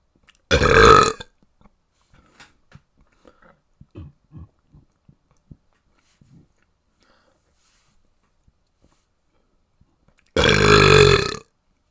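Two loud, deep, voiced belches about ten seconds apart, with faint small mouth and handling noises between them.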